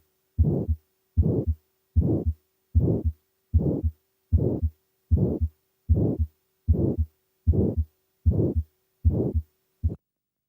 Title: aortic stenosis sound Auscultation of heart aortic valve sound